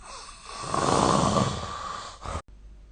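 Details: Sleep snoring recorded with the SnoreLab snoring-recording app.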